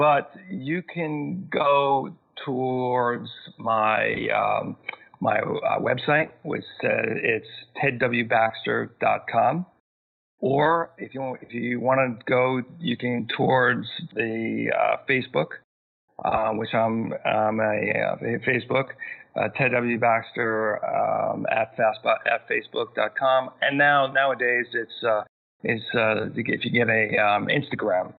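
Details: Aphasia in an adult male who had a massive stroke at age 41, initially left with global aphasia and still aphasic thirteen years later, needing extra time to process sentences and find words.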